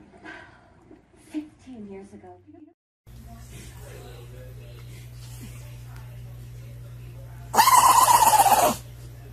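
Brief speech and room noise, then one loud, explosive burst near the end consistent with an animal's sneeze.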